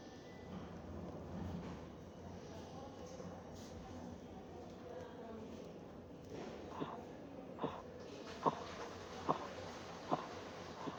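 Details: Faint rhythmic taps rise from background hiss as the cuff deflates: Korotkoff sounds, played as example five of a Spanish blood pressure measurement training exercise, with a reading of 118/72 mmHg.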